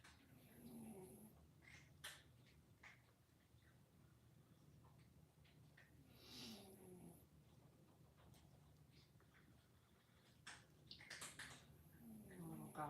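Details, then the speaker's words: A rescued cat lying in a window gives soft, low, rumbling snores, faint under quiet room noise while its owner talks; cat snoring. "he's over in the window just snoring away. I don't know if you guys can hear that. Sorry. Friend, you're snoring."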